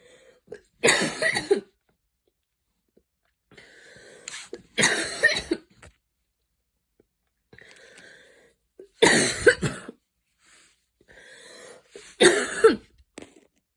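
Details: Coughing fit after an evening run in cold air, a little asthma attack that began with wheezing: four harsh bursts of coughing, each a quick run of coughs, with breathy gasps between.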